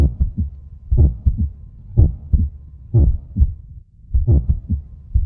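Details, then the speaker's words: Simulated normal heartbeat in a children's lesson on the heart: paired low lub-dub thumps, about 60 a minute. "धडधड तिथे असलेल्या हृदय या इंद्रियाच्या सतत सुरू असलेल्या कामामुळे निर्माण [संगीत] होते"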